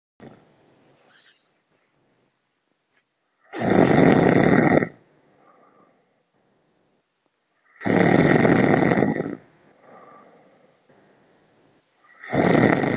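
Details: Adult man's overnight snoring, described by his partner as loud: harsh rattling on each in-breath about every four seconds (roughly 14 a minute), quiet out-breaths between; heavy snoring.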